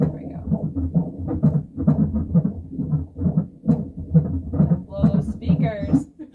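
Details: Fetal heartbeat on ultrasound at the last maternal-fetal medicine growth scan, 36 weeks pregnant after IVF, cerclage removal visit, baby boy sitting low with chin tucked: rapid rhythmic whooshing pulses about 133 a minute, brief room sounds near the end.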